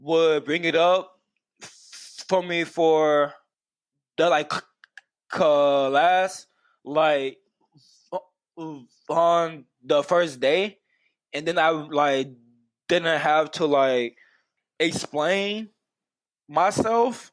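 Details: Adult man who has stuttered for as long as he can remember; stuttering.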